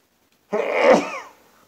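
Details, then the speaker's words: Adult man during a sneezing fit: single abrupt, forceful sneeze fading over about a second; sneeze. "so there's a trick that I forgot about since I've been posting these videos where I can cause a sneeze hey"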